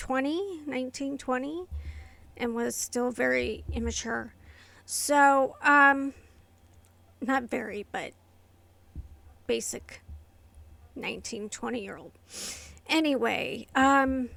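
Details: Adult woman with inherited essential tremor affecting her vocal cords and hands, diagnosed by a movement-disorder neurologist, plus medication-induced tardive dyskinesia from long-term antipsychotic use; vocal tremor.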